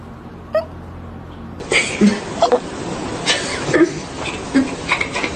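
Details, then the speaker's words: Cat hiccups: brief, sharp, repeated chirp-like spasms, about seven or eight in five seconds, over steady room noise; owner links them to eating too fast. "Oh, You see what happens when you eat your food too fast?"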